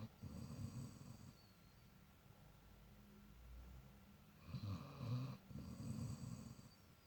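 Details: Soft, low, fluttering snores with nasal snorts and quiet gaps from a sleeping dog; snoring.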